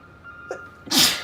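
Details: Sneezing fit in a female, cause unknown: a soft inward breath followed by one sharp, hissing sneeze burst, part of repeated sneezing.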